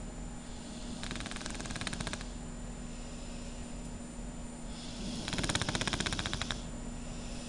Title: my snoring girl